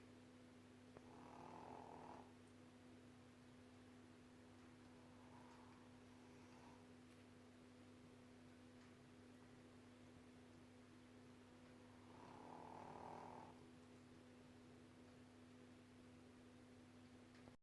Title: Dog that sweet snoring